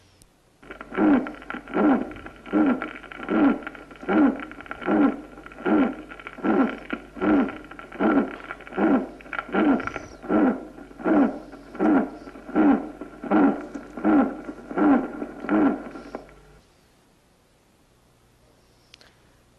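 Regular heartbeats at about 78 a minute, each with a tonal chirping, cooing sound over it: a musical heart murmur.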